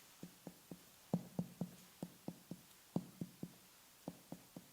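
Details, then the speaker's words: Abdominal percussion: short, flat, low finger-percussion taps giving a dull note, as over solid organs, fluid or tumours, similar to percussing the thigh; dull percussion note. "assessing percussion sounds is helpful in determining the size position and density of abdominal contents solid organs fluids or tumors lead to dull sounds that may sound similar to percussion sounds of the thigh"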